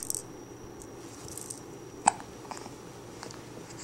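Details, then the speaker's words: An infant girl hiccuping: one sharp, brief hiccup against quiet room noise. "nora is experiencing some pickup action can you"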